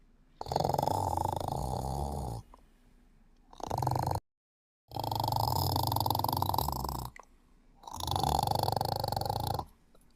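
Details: Cat sleeping, giving long, rumbling, purr-like snores in a slow, regular breathing rhythm.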